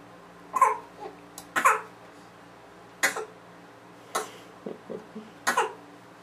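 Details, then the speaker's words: Child sitting in a bathroom, kicking and bouncing the chair, gives about five short, dry, deliberate coughs spaced a second or more apart with small vocal sounds between; a playful voluntary fake cough. "There's that fake cough. What's that leg move?"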